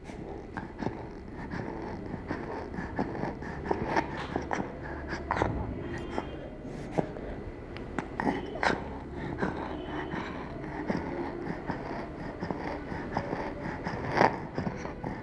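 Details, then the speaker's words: Expiratory wheeze in a child, WHO IMCI training exercise on identifying stridor: noisy breathing with faint whistling on breathing out, judged a wheeze and not stridor, since stridor is a harsh sound on breathing in. "we heard a wheezing sound when breathing out therefore we decided that did not have stridor"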